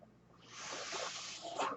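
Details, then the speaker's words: Real recording of a podcaster's own mechanical ventilator, its breath sounds audible in the background while he talks. "My name is. That noise you're hearing is my ventilator."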